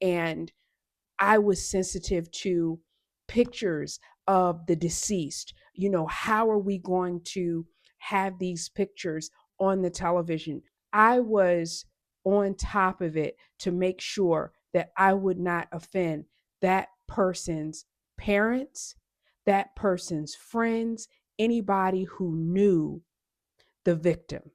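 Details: Adult woman; Normal speech.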